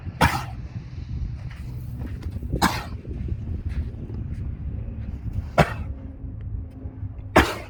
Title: 3.1.22 cough